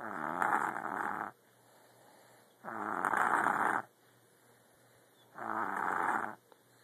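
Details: Rough, fluttering snores on each inhalation, about one second long, with quiet exhales at roughly 22 breaths per minute; ordinary snoring.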